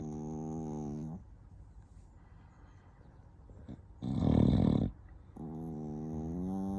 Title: Chihuahua ronfle en syncro. Chihuahua snores